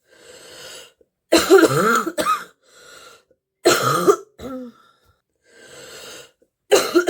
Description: compilation of clips of a girl sick with a terrible stuffy and wheezy cold that have given her a very deep barking cough